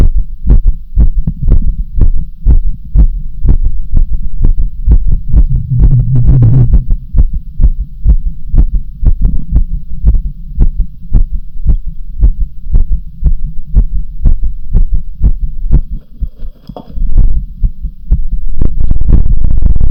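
Loud, fast thumping heartbeat, roughly 120 beats a minute, with some rubbing and handling noise.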